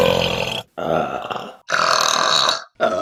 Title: The Best Burps from August 2022 | RBC